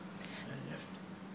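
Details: Adult male with left vocal fold paralysis after surgery for a left-sided neck tumour, leaving a glottic gap with air leak; very soft voice, aspirates food and water, uses a nasal feeding tube; unilateral vocal fold paralysis with weak breathy voice.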